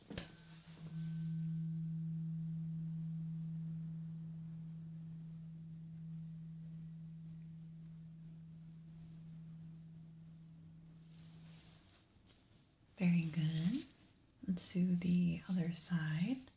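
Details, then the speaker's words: A pure low hum from a struck tuning fork rings and slowly fades over about ten seconds, then brief voice; simulated bedside hearing check in an ASMR medical exam roleplay, listener asked to say when sound stops. "Now I have a tuning fork and you are just going to tell me when the sound stops."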